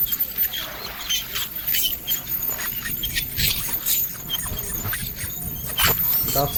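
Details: High-pitched hissing and squealing of an ultrasonic dental scaler with water spray during dental scaling (oral prophylaxis), with faint background talk.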